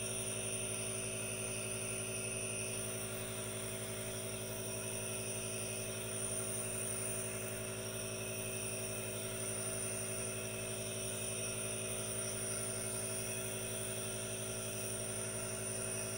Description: ASMR NO TALKING | aerosol nebulizer calming white noise and hypnotizing vapors, with hand movements for your relaxation